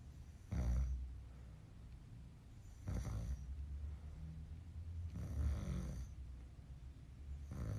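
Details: Man recorded snoring by his child while asleep: deep, rumbling snores at irregular intervals, about two to three a minute, over faint background noise; ordinary snoring.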